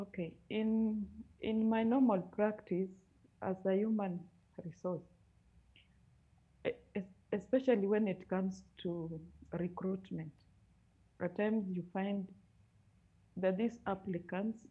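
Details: Adult woman who stammers, a human resource professional who manages it by speaking slowly and has never had speech therapy; stuttering.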